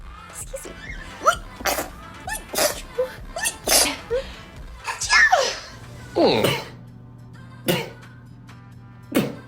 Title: The Science of Sneezing: Men vs Women